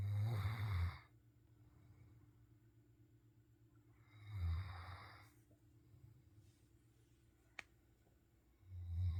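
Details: Low, rumbling snores about every four seconds, roughly 14 breaths a minute, with quiet breathing between them; snoring.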